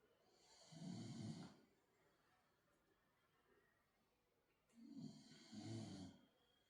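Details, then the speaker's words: Two slow, rumbling snores on the in-breath with a quiet pause between, from a sleeping dog during a yoga session; ordinary snoring. "So again, I promise if you can hear snoring throughout these shapes, it is not me. It is Ara, I prom"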